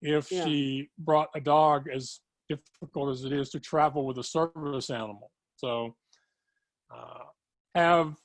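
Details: Adult woman with moderate to severe cerebral palsy, needing help 24/7; dysarthric speech in cerebral palsy.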